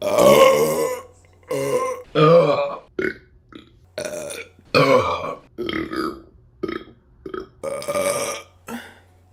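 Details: Burping compilation: a string of loud, drawn-out voiced belches separated by short pauses; repeated burping.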